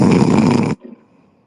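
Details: One loud, rough, buzzing snore that stops abruptly, then near silence; snoring.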